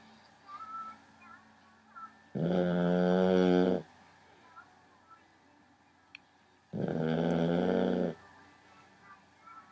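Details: Loud snoring from an 11-week-old male puppy asleep in the dark at 4am, piggy-like oinking snores; puppy snoring.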